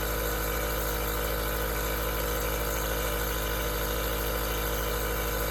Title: Aerosol Nebulizer Sound Cures Insomnia